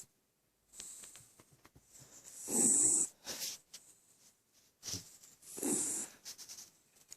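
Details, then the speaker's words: Female West Highland White Terrier fast asleep: soft hissing, snorting breaths, about two loud ones in seven seconds over quieter noisy breathing; snoring. "fat body here. A snoring Westie."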